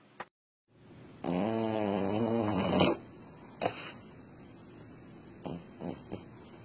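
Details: Funny animal snoring: one loud, rough, rattling snore on an in-breath, then quiet breathing with a few soft snorts.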